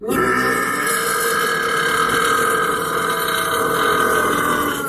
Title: burping meme part 2